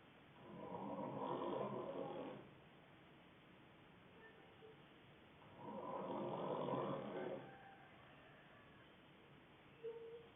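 Two long, steady, buzzing snores on breathing in, roughly five seconds apart, about twelve breaths a minute, in a quiet room.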